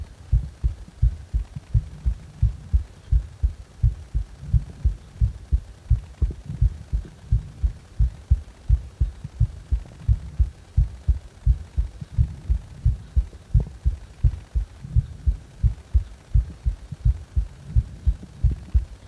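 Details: Steady, regular low heartbeats at about 86 per minute with no clear extra sounds, recorded while the person felt discomfort in the heart.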